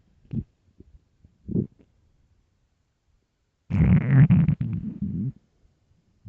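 Low gurgles, then a longer rolling rumble: ordinary stomach growling from an empty stomach.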